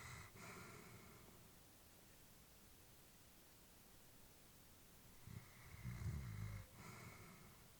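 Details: Elderly female Labrador sleeping while her family was worried about her: soft, slow sleep breathing with a low snoring rumble on one breath, over steady room hiss.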